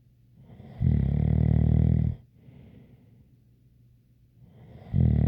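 Loud, low rattling snore on a long inward breath, a quieter exhale, then the next snore begins; a faint whistle rides over it.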